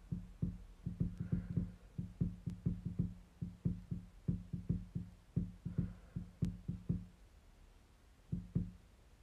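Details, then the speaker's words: A person's own ankle cracks as it moves, giving a rapid series of dull, low clicks and pops; she says her leg joints crack a lot. "めっちゃ足の関節が鳴る。"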